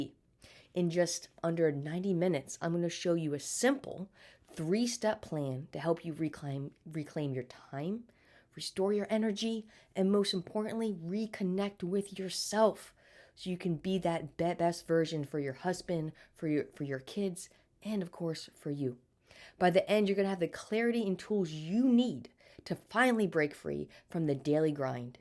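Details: Adult woman with stuttering present since birth, speech therapy throughout childhood, still stuttering daily as an adult, may get stuck on words; word repetitions audible.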